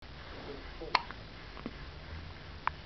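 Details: Baby with hiccups after eating fast and guzzling down a feed: two short, sharp catching hiccup sounds about two seconds apart in a quiet room.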